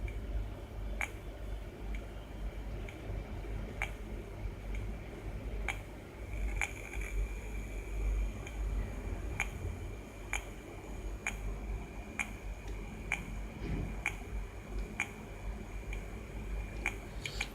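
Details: Fingertip pulse picked up by a BPW34 infrared receiver with an IR LED, amplified through an LM386: regular sharp electronic clicks, about 64 per minute.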